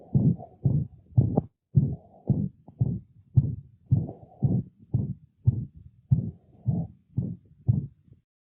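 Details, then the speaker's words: Rapid canine heartbeat with a loud whooshing systolic regurgitant murmur recorded at the mitral focus, typical of degenerative mitral valve disease. "Vamos ouvir primeiro o som típico de uma válvula mitral degenerada, o sopro sistólico de regurgitação gravado em foco mitral."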